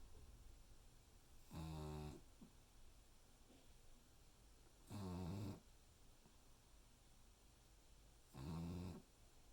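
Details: Snoring: regular rumbling snores on each breath, about 18 per minute, with quiet pauses between.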